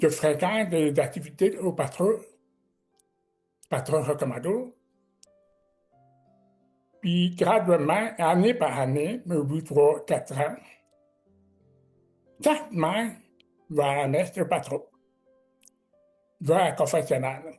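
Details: Man with severe-to-profound deafness who learned to pronounce letters, speaking French; deaf speech.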